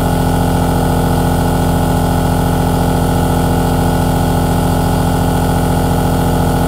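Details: Aerosol nebulizer compressor running: a steady, low mechanical hum with a fast, even, pump-like throb, without pause.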